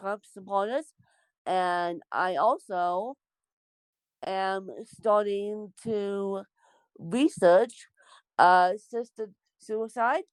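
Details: Dysarthric speech in an adult woman born with cerebral palsy.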